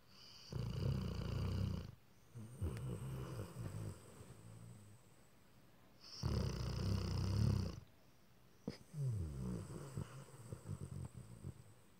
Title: Simba the snoring Rottsky